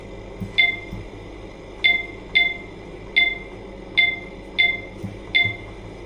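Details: Oxygen concentrator on test that the owner says is a defective new machine; its green O2 light should signal at 95% oxygen. Sharp high clicks at uneven intervals, about seventy a minute, over a low hum.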